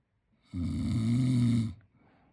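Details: 10-month-old baby boy asleep: one long, low, rumbling snore on a single breath; infant snoring.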